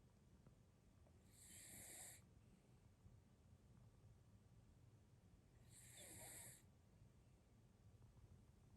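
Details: Quiet room with two soft, whistling snoring breaths about four seconds apart, about 14 breaths a minute: snoring.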